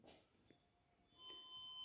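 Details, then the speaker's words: Defibrillator switched on during a training demonstration on a manikin after CPR at 30:2, with short high electronic start-up tones before gel is applied and energy selected (1–360 J); defibrillator power-on beep. "अब हम क्या करेंगे debater का जो button है उसको on"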